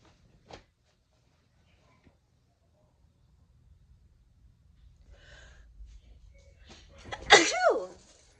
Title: How to sneeze nonstop! (Part 26)